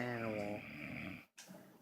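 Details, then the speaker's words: Male asleep: a rumbling, buzzing snore fading into breathy noise, then a brief pause and a softer breath; snoring. "because my friend here he snores like an animal"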